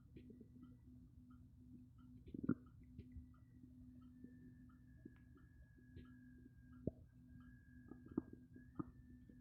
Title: Stomach growling coffe